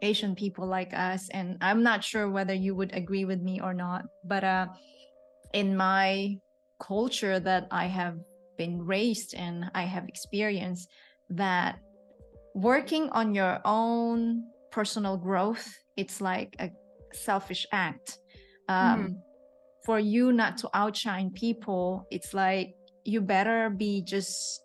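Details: Adult woman speaking; typical speech.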